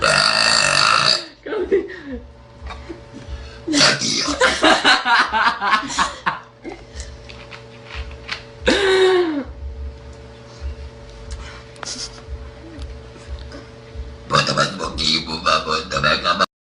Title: Burping or speaking?